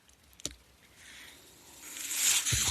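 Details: Speaker's own mechanical ventilator heard in the background of a spoken podcast recording: breath sounds of a mechanical ventilator.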